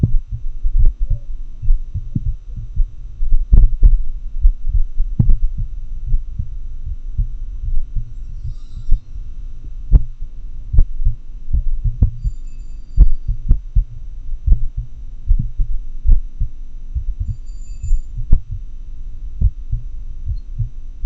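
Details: Heart sounds in atrial fibrillation, recorded with a homemade funnel-microphone setup via a computer sound card: irregularly irregular rhythm at roughly 60 to 65 beats a minute.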